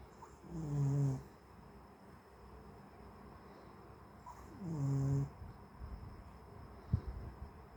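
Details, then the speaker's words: Two loud, low, droning snores with a sliding pitch, about four seconds apart, from a sleeping pet that sounds like a human snoring. "You snore like a human, Babos."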